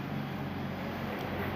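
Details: Branded nebulizer being repaired: steady low motor hum with droning rumble; nebulizer compressor running.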